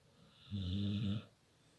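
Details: Dog sleeping with her head in her owner's pillows, smiling in her sleep, gives a single low, rumbling, buzzy snore under a second long in a quiet room; ordinary snoring.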